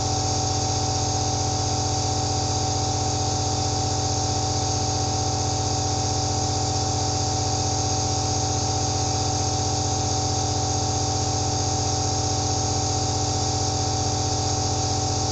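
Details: Steady mechanical hum with a fast, even pulsing buzz and faint hiss, heard first-person: an aerosol nebulizer compressor running continuously.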